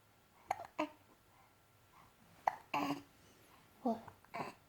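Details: 2-month-old baby boy with hiccups: four or five short, abrupt catching sounds at irregular intervals in a quiet room.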